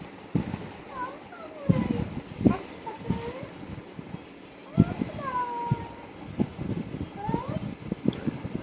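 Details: Baby imitating his dad's coughing, copycat mimic cough.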